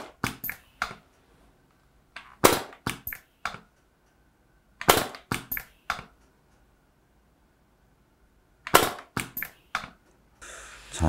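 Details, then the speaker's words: An AIR JET II needle-free pneumatic injector fires during a face-lifting treatment, targeting the front area to lift the nasolabial fold. It gives sharp snapping pops in bursts of three to five separated by pauses. "그리고 요 팔자 부분을 좀 당길 때는 이제 요 앞부분을 좀 많이 쏴주는데요. 조금 더 쏘고 마무리 하겠습니다."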